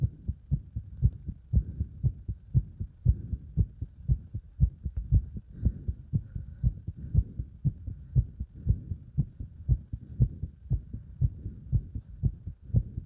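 Fast, regular low thumps, roughly 118 beats a minute, heart sounds under exercise load.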